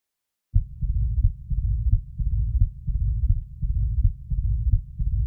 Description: This is the sound of mitral stenosis. It is a decrescendo-crescendo diastolic heart murmur.